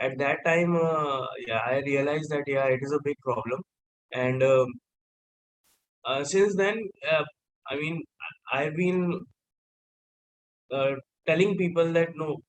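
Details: Stuttering in a 28-year-old man who identifies as a person who stammers.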